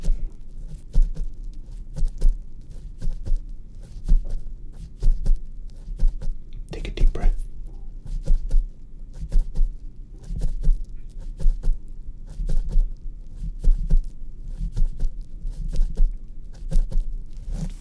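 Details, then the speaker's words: Heartbeat heard through a stethoscope on the chest during an ASMR doctor roleplay: steady, regular low thumps with a brief rustle; described as a little accelerated, perhaps from nervousness. "Seems like your heart is a little accelerated, but it might be just because you might be feeling a little nervous."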